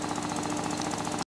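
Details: Newborn on a 3100A high-frequency oscillatory ventilator in a newborn center: sound of the oscillator running, which gently vibrates the lungs to maintain lung volume.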